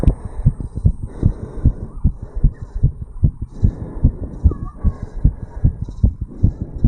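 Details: Heart sounds of a 35-year-old male, recorded at the tricuspid valve area after jogging uphill; heart sounds after exercise.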